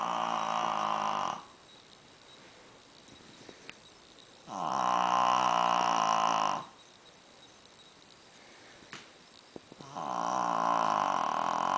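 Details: Shih-Tzu dog snoring louder than a grown man: loud, rough snoring on the in-breath alternating with quiet out-breaths, about three breaths in twelve seconds; snoring.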